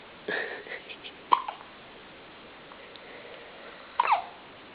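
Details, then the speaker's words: Infant hiccups: sharp, brief hiccup sounds a few seconds apart in a quiet room. "Are you okay? Poor thing. Poor thing, your hiccups."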